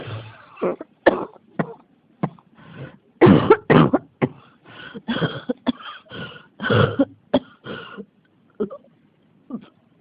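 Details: An adult coughs over and over in a small room, about fifteen harsh bursts with brief pauses between them. A cough that won't stop: persistent coughing fit.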